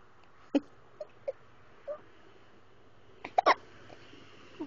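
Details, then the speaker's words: An infant who often gets hiccups: five short, sharp, involuntary gulping sounds at irregular intervals against quiet room noise, typical of hiccups. "You okay? Oh, you tired already? You got the hiccups, though."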